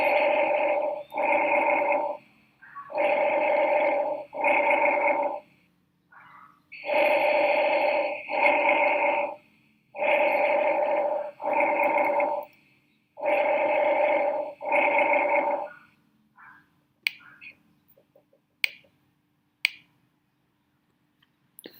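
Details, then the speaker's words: Bronchovesicular breathing, a mix of laryngotracheal breathing and vesicular murmur, heard normally in the infraclavicular region, played as an auscultation teaching example; bronchovesicular breath sounds. "Bien, esa es la respiración broncovesicular."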